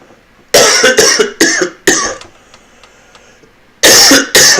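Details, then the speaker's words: An adult coughs in two runs of about six harsh bursts with brief quiet between; the speaker reports coughing fits, wheezing, poor sleep, and feeling worst in the morning and at night. "it's a little hard with the coughing and the wheezing I can see difficult"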